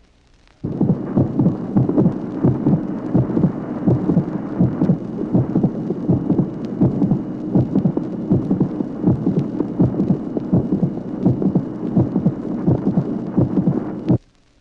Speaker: Dans cette même localisation télésystolique, présence d'un claquement, plus court et plus sec que le souffle précédent. Ces phénomènes sonores télésystoliques représentent des anomalies mineures de la valve mitrale.